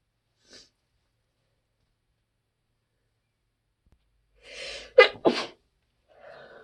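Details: Person who ran out of allergy medicine, sneezing at work: two quick stifled sneezes after a short inward breath, kept partly muffled.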